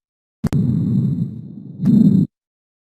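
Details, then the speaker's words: One soft, rushing breath cycle of intermediate pitch and loudness: normal bronchovesicular breath sounds, heard during lung auscultation teaching. "Aquí Cuál es el detalle de la respiración Bronco vesicular notaste de que el volumen descendió un poco el volumen está con una intensidad y tono intermedio"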